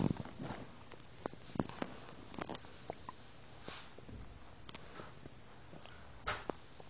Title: Stomach noise with milk